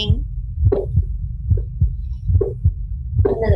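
Paired heart sounds at about 71 beats a minute with a faint low rumble between beats, close to normal; a tricuspid stenosis murmur.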